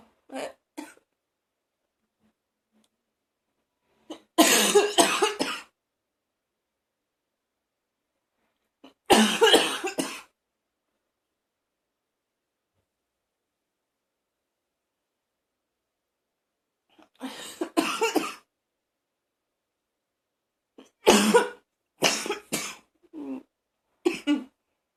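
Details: Adult feeling like vomiting in a bathroom: repeated harsh, rough coughing fits with strained, retching-like bursts between them; harsh cough with gagging.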